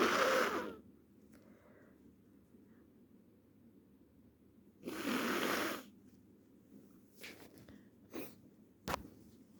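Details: Female with a cold, recorded at 6am: two harsh, forceful sneezes separated by quiet, followed by small clicks and sniffs.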